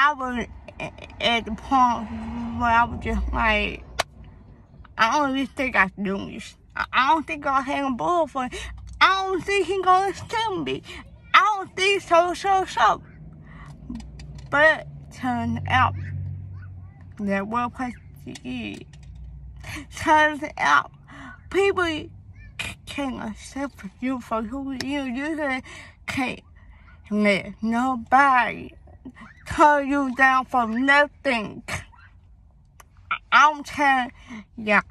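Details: Young woman whose speech impediment began suddenly in third grade with hearing loss (deafness); she had daily speech therapy at school, doctors found no cause, and she suspects premature birth: speech impediment.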